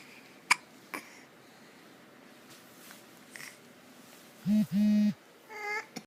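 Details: Hiccups: two sharp, brief hiccup sounds in a quiet room, followed by a couple of longer voiced sounds.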